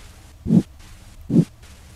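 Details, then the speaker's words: Abdominal bruit demonstrated with the stethoscope on a supine patient: two soft whooshing pulses about 0.8 seconds apart. "listen for breweries over the right renal artery aorta and left renal artery if present a bruit would sound like this"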